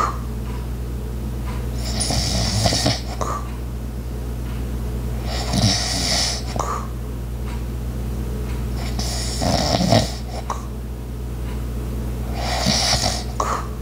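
Regular rasping snores with each breath, about every four seconds, over steady household hum and faint clicks.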